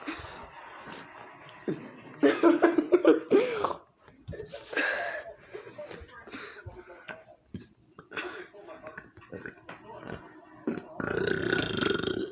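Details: Burping from a man in the dark: a drawn-out, croaking belch among talk and laughter in a small room.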